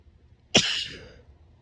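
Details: Female with grass pollen and ragweed allergy, itchy nose: a single forceful allergic sneeze with a sharp burst and breathy tail.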